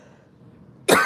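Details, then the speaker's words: Adult woman's cough, echoed by a 35-year-old Congo African grey parrot on her shoulder mimicking it. "oh louis copied my cough did you hear that echo"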